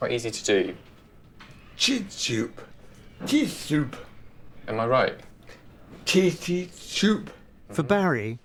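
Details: Non-fluent aphasia in a 55-year-old man four months after a devastating stroke, with right-sided weakness, in inpatient rehab; barely able to speak, no fluency, hunting for words; non-fluent aphasia.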